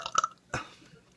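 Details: Two short, throaty burps, ordinary belching; a Skype call plays in the background and another person on the call also burps.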